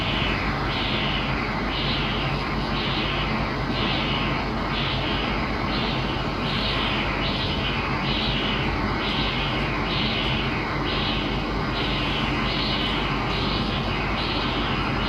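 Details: Non-imaging transcranial Doppler using the STOP protocol in a child with sickle cell disease, right side, at about 48 mm depth. Steady whooshing flow pulsing about 70 a minute at the MCA/ACA bifurcation; normal flow signal.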